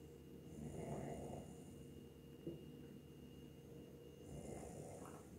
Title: Snoring bear